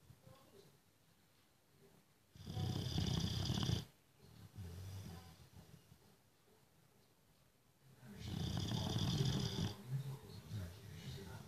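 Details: Boxer dog snoring, which he does every day.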